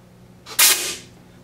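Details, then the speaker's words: Pin pushed into a 50 PSI hospital wall oxygen outlet (flowmeter quick-connect hookup) by a respiratory therapist: short, loud hiss of gas that fades within half a second; pressurized oxygen release. "So that's the pressurized air, 50 PSI that comes out."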